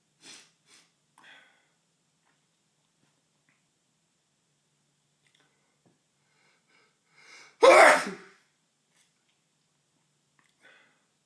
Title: Tickly Nose, Loud Sneeze 1 (M)